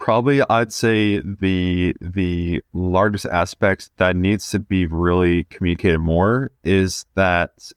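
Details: 20-year-old male who has stuttered since about age two; repetitions audible. Stuttering.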